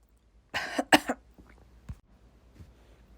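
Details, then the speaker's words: Self-induced sneeze triggered by tickling inside the nose with an object, with brief talk between attempts: a forceful explosive burst, a sharp second blast and a brief tail, then quiet breathing. "As you might imagine, it's a little difficult to talk with something up your nose. And a little unpleasant."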